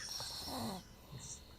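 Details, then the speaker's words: Dog snoring nearby in a quiet room, likened to a grown man snoring: a low rattling, snorting breath sound that then fades; snoring. "I hear Junior because he's right next to me. I hear him snoring, and I was listening to you, and it was on your phone as you were playing it back."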